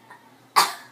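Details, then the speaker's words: Young boy coughs after shouting "boo" very loudly to scare away his mother's hiccups. "uhoh man you're saying it so loud you're making yourself cough"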